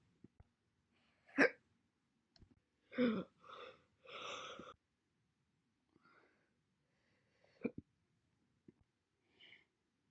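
Several separate short, sharp, jerky sounds with quiet gaps between them, fitting single hiccups; the timing is irregular.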